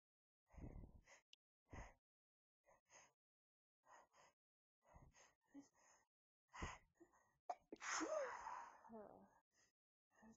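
Several sharp sneeze bursts muffled by tissues, with gasping intakes and a few quiet words between them.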